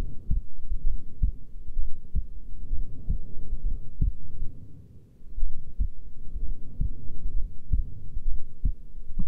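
Soft low heartbeat thuds, roughly one a second, partly buried under steady low rumbling noise.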